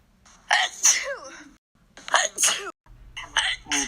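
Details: Three small sneezes in quick succession, each a sharp burst of air with a brief vocal tail: sneezing.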